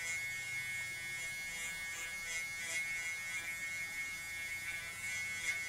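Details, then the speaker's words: Dental irrigant activator running in a root canal to activate sodium hypochlorite irrigation, the tip held still: a steady high-pitched buzzing whine. The speaker calls it ultrasonic activation. "Showing you ultrasonic activation it इस vibrating and activation इस been done like this way"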